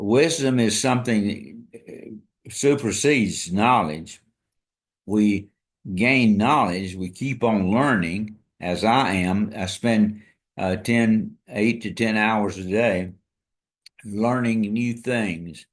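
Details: Dysarthria from ALS in an adult man diagnosed February 2024 after earlier diagnoses of Parkinsonism, Parkinson's disease, spastic paraplegia and primary lateral sclerosis; his ability to speak is failing.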